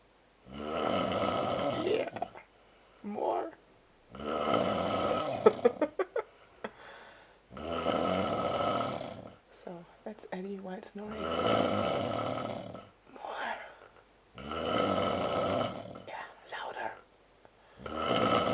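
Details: A man snoring heavily after Oktoberfest: loud, rough, rattling snores on each breath in, about 18 a minute, with softer breaths and brief sputters between them. Heavy snoring.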